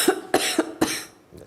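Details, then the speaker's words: Four quick harsh cough bursts in a row from an adult, acted to illustrate a lingering cough and cold that won't go away. "You all know the feeling that tickle in your throat, a runny nose, and a horrible cough that just won't go away."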